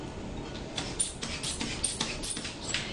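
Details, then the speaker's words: Hand bulb pumping with the valve closed to inflate a blood pressure cuff, stethoscope placed over the arm artery, with quick repeated puffs of air, before inflating to about 160–180 mmHg. "now that the spin sphingomonometer and the stethoscope are installed i have to be sure that the valve is closed to start to pump the cuff now as i start to pump"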